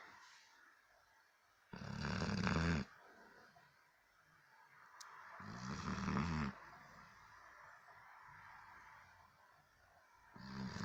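Deep, rattling snores with quiet pauses between them, about one snore every four seconds, in a quiet room.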